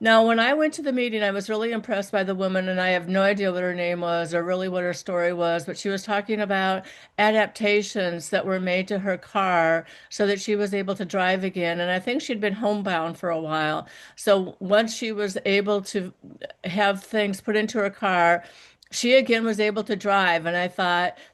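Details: Adult woman speaking; ordinary speech.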